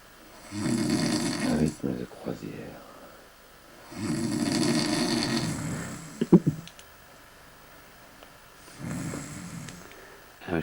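Three loud, rattling inward snores, each over a second long and separated by quiet pauses: heavy snoring, about 18 breaths a minute.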